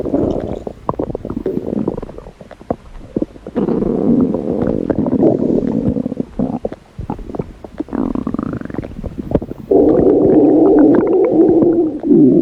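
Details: Red panda's stomach growl: loud, prolonged gurgling and rumbling with crackly pops in long waves, active bowel sounds.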